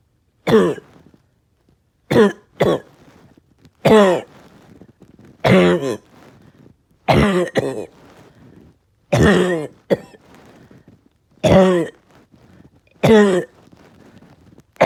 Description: Haven’t been able to shake this today. Tired with chest pain.